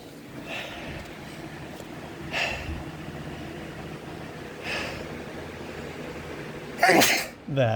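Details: Male sneezing from pollen drawn in by box fans used while the home AC is broken: quiet sniffs and breaths over steady fan noise, then a sudden loud sneeze near the end; allergic sneezing.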